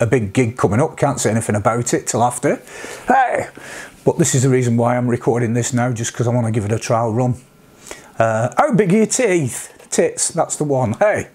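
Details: Vocal tics in an adult man with Tourette syndrome with coprolalia, whose tics reached this degree after age 46; he also has milder tics such as sniffs and humming.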